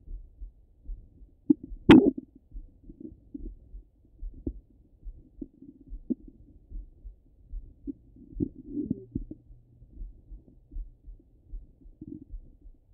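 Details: Stomach rumbling heard through a stethoscope over the belly: soft, irregular gurgles and low rumbles with one louder bump; ordinary bowel sounds.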